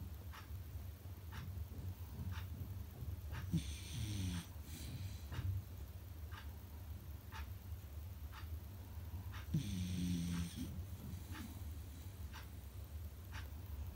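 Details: Beagle puppy sleeping with rhythmic rattling snores and louder snorting breaths over a steady low background hum; snoring.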